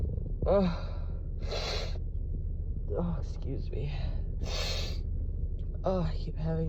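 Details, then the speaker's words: Several short, breathy, stifled sneeze-like bursts with catching breaths between, over low room hum; a woman's morning cold with deep nasal tickle and sneezes that don't fully release (false starts). "having these horrible false starts. I think, oh God, I just want to sneeze."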